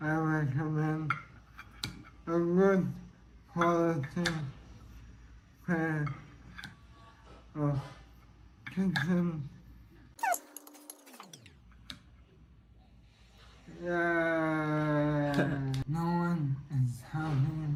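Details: Man with ALS (motor neuron disease); weakening throat muscles give a weak, laboured voice that takes great effort to produce words; he speaks while eating; dysarthria.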